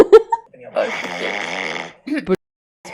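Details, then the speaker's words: Adult man heavily snoring while lying down; a single buzzing, rattling snore over a second with short voiced sounds around it; a deviated septum is suspected, and a doctor proposed surgery; heavy snoring. "Знаете, как он храпел? Я я сейчас включу вам."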